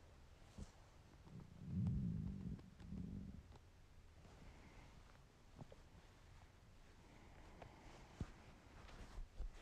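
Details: Male's hungry stomach: low gurgling rumble swells and fades, then quieter bubbling and faint clicks of gas and fluid. Borborygmi.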